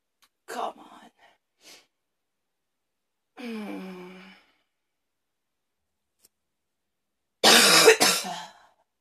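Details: Afternoon coughing fit: three separate bursts in a quiet room, a short cough, a groaning throat-clearing, then one loud harsh cough.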